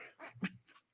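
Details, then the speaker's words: An adult imitates a held-in sneeze: a brief, muffled burst of breath with a small vocal catch, as done around people; suppressed sneeze. "Oh my God. It's like, where's the rest of it? When I'm around people, I'll sneeze like this."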